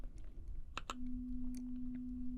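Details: Simulated ASMR pure-tone audiometry hearing-test roleplay: after a few soft taps, a steady pure beep test tone plays with quiet handling noise while the listener raises a hand to respond.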